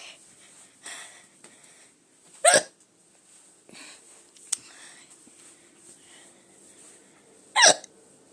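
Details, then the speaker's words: Recurring sudden sharp gulping sounds with quiet voices between them; a bout of hiccups lasting about a minute. "okay please have another hiccup there we go"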